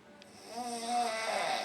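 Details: Simulated snoring: an awake person, jokingly cast as a sleeping bull bison at noon, produces a single drawn-out, voiced, rattling snore that rises in loudness, performed on request and pushed louder and deeper.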